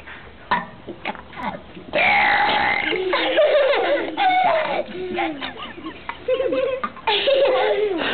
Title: Burp Frog